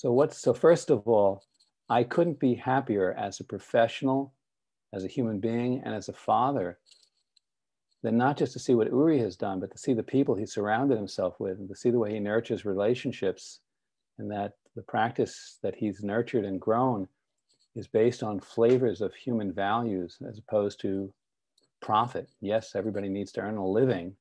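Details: Adult man speaking; ordinary speech.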